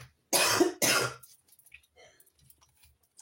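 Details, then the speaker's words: Adult coughing during an ongoing asthma attack that their Ventolin isn't relieving: two harsh, loud, dry cough bursts in quick succession, then quiet room sound. "Peut-être que toi, pardon, pardon, je tousse beaucoup parce que j'ai une crise d'ast permanente là. J'ai beau prendre ma ventoline, ça marche pas."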